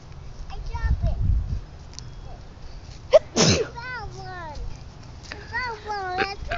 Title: Gathering sticks while mom sneezes